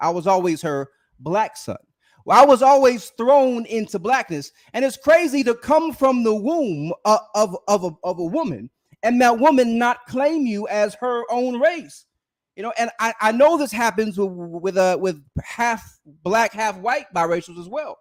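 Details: Adult male with a self-reported speech impediment who stutters during unedited live streams; stuttering.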